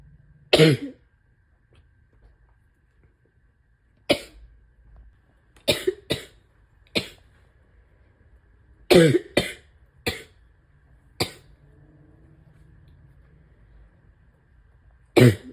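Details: Self-recorded cough of a person with asthma, allergies and chronic bronchitis during a likely respiratory illness: about ten sharp coughs, some in pairs, rattly and congested, a wet chesty cough.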